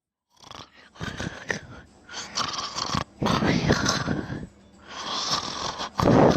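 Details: About a minute of self-recorded snoring during sleep: rough, rattling noisy breaths in irregular bursts separated by pauses.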